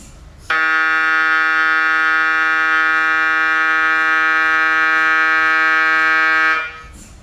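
A loud, steady, rapidly pulsing electronic buzz that holds for about six seconds and then stops, typical of an MRI scanner running.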